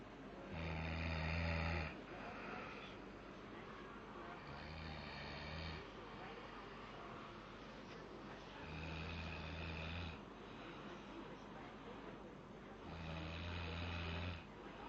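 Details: A baby sleeping: loud, rough snores with each breath in, about four in fifteen seconds, over steady background noise; infant snoring.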